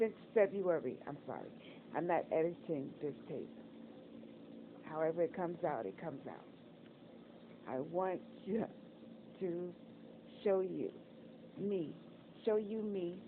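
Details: Adult woman speaking; Dysarthria after stroke.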